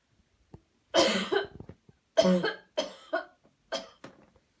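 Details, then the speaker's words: Voluntary cough on request during a cleansing-healing coughing technique demo: after paced deep breaths, about five sharp, explosive deliberate coughs, each following a deep breath. "okay here we go one two three breathe in deep deep deep cough"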